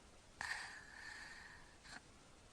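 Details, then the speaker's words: Child with obstructive sleep apnea, tongue falling back during sleep: after held breath, a sudden noisy snorting inhalation and brief second gasp as breathing resumes; repeated apneic events over about three minutes. "he's still holding his breath and that's going to gulp again there he goes that was it again and again he's holding he's holding he's trying there he goes"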